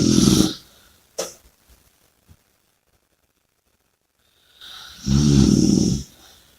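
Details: Two loud, rough, rattling snores separated by a long quiet pause with small snuffles between; snoring during sleep.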